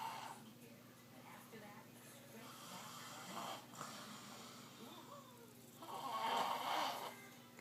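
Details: Rough, fluttering snoring breaths with television talk in the background, from someone asleep after a long day: ordinary snoring.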